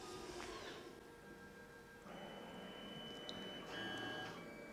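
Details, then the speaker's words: Mechanical whirring and shifting motor tones as the spindle of a DGSHAPE DWX-42W wet dental milling machine removes the dummy pin, over steady room noise. "the spindle now is removing the dummy pin"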